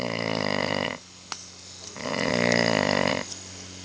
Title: Stop snoring!!!